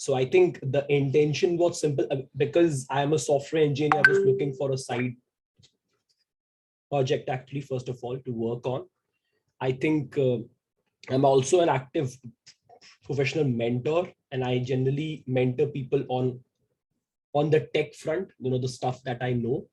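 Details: Lifelong stuttering in a 28-year-old man who identifies as a person who stammers.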